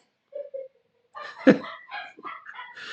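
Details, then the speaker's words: An adult woman holding in a sneeze in another room: two faint squeaky bursts followed by muffled snorting sounds, a stifled sneeze. "That's my wife trying to hold a sneeze in from the other room. And first of all, it scared me if you seen my face."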